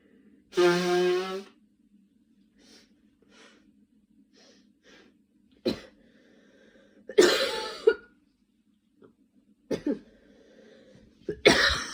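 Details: Cough with a cold in a sick person who recently had fever, dizziness and night sweats and uses an inhaler: a long harsh coughing spell, then quiet breaths and several more single coughs.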